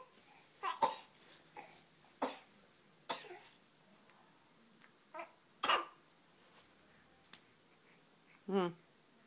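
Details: Young child gives several short, harsh coughs mixed with brief vocal sounds and a loud voiced shout.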